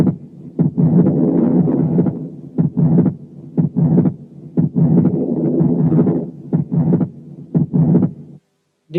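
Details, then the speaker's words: Atrial septal defect with wide fixed splitting of the second heart sound: heart sounds near 60/min with a murmur and breath noise, S2 widely split equally on inspiration and expiration. "هنسمع حالة تانية اتريال سيبتال ديفكت برضو، بس فيها صوت الريسبيريشن أصعب شوية لأن فيها مامز، لكن انتوا ما تنتبهوش إلا للسكند ساوند بس، وشوفوا السبليتنج بتاعه during inspiration و during expiration."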